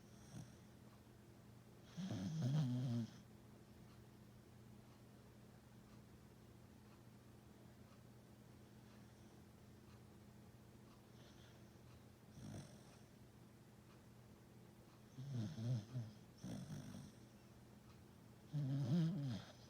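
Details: Sleeping: low rattling snores at irregular intervals with quiet breathing between, over a faint room hum; snoring.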